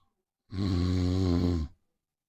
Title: #snoring father and son